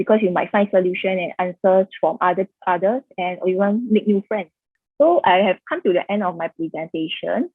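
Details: Adult female speaker; Typical speech.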